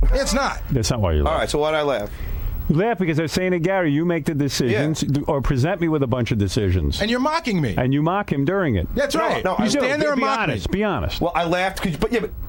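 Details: Adult men in conversation; typical speech.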